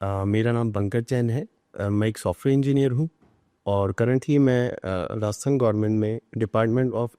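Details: Adult man speaking Hindi; Normal adult speech.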